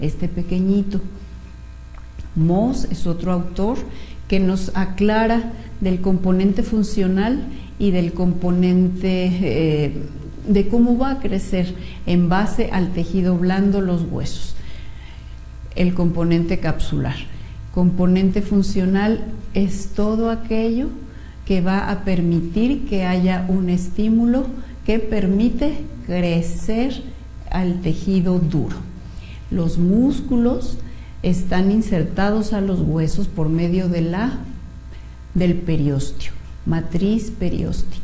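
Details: Patient treated since early childhood for cleft lip and palate, reading a text aloud; clinician reports no nasal voice at all: normal oral resonance after cleft lip and palate repair.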